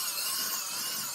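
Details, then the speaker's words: Rotary wire-brush dermabrader running on facial acne scars in a female Fitzpatrick III patient, perpendicular pass creating micro-lacerations, before chemical peel and CO2 laser: steady high-pitched whirring hiss. "what you're doing is you're creating perpendicular or perpendicular micro lacerations of the skin"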